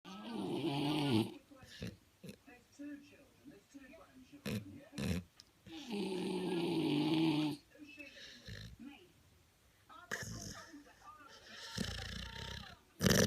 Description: Cute puppy snoring (Staffordshire Bull Terrier X British Bulldog)!